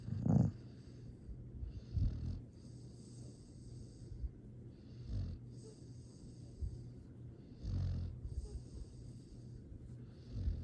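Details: Sleeping dog gives soft, low rumbling snores with each breath, about five in ten seconds, over a faint steady background hum.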